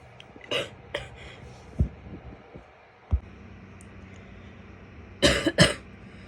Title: coughing, some wet and barky (f)